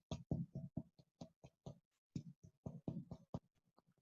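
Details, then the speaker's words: Finger percussion over the chest in a semiology class: a rapid series of about twenty low, hollow tapping thumps, giving a normal resonant (sonoridad) percussion note. "más aire de por medio, ¿ya? Eso es una sonoridad."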